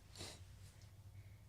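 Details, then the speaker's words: A dog sneezing indoors: a single short, sharp nasal burst over a low steady room hum. Sneeze. "If anybody If you guys can hear that, that's our dog sneezing."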